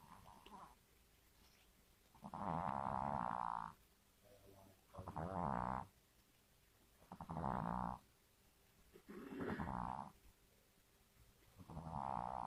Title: snoring